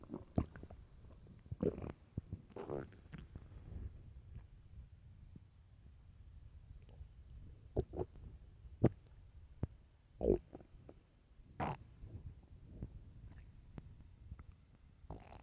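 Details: Hunger stomach growling (borborygmi): soft, low gurgles and rumbles that come and go over a quiet background.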